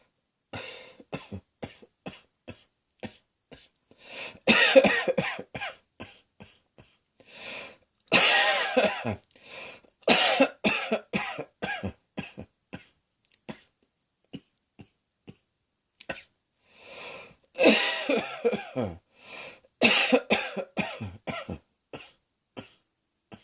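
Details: Adult gives repeated acted coughs, single dry hacks alternating with louder, harsher clusters, in a quiet room.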